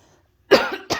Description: The wrath of a bunny, she does not like my coughing at all!